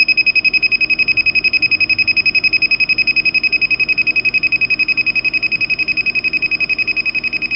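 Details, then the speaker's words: Neatcell Picosecond Laser Pen firing continuously at a fast setting during a third home tattoo-removal session: rapid, very regular high-pitched electronic beeping, about 220 pulses a minute; user says it makes a lot of noise. "Yeah, it makes a lot of noise."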